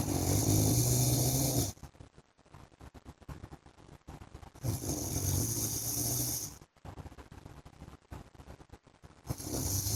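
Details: An adult man snoring during sleep, with loud, rasping snores on inhalation roughly every four to five seconds, separated by quieter breathing pauses.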